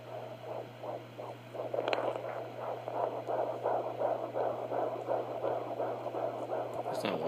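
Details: Rapid, rhythmic whooshing fetal heartbeat at about 145 per minute, picked up by a handheld at-home Doppler on the mother's belly at 13 weeks of pregnancy, over a steady hum.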